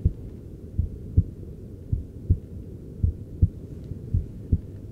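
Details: Heart sounds of an adult male patient heard with a handheld device during cosmetic forehead injections, said to be under stress; clear, regular lub-dub about 54 a minute with a low background hum.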